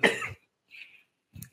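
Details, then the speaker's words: Adult with a cold and laryngitis: a single sharp cough with loud onset, then faint breathy exhale and brief soft sound; isolated cough. "so sorry about that I've just had a a cold and laryngitis for a period of time here"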